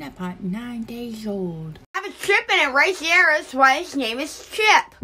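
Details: Adult woman imitating a lisp; lisp (imitated).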